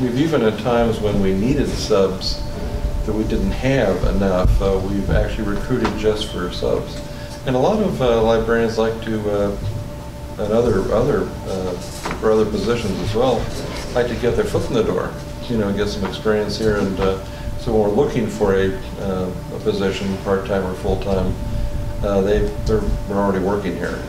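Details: Adult male speaker; Normal voice.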